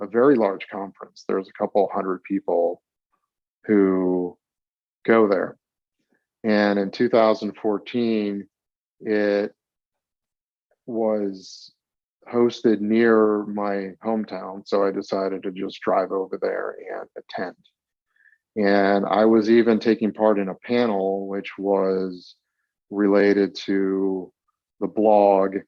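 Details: Man, 42, who has stuttered since about age eight and had speech therapy for several years in childhood; stuttering.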